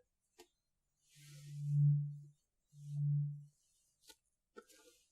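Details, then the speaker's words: Tuning fork ringing in a role-played ASMR cranial nerve exam hearing test, held back from the ear: two clear, pure sustained tones swelling and fading, with light taps and soft rustling between. "I'd like to do a little tuning fork test with you. What I'm going to do is ring it, hold it up to an ear, and you tell me when you can no longer hear it."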